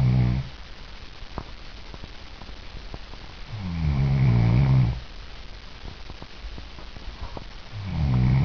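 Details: Adult woman who grinds her teeth during sleep (bruxism), initial snoring before the grinding: loud, low rattling snores on in-breaths, about four seconds apart, with quiet breathing between: ordinary snoring.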